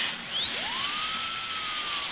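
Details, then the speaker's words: High-speed dental handpiece: a high-pitched whine rises quickly then holds steady. A round high-speed diamond bur, held perpendicular to the tooth's long axis, starts access cavity preparation on maxillary anterior teeth for root canal treatment, entering enamel. "You are starting your axis cavity preparation with a round highspeed diamond bar held perpendicular to the long axis of the"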